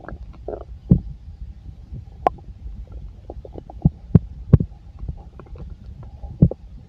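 Irregular gurgles, squelches and sharp pops from the belly; ordinary active bowel sounds of a full stomach.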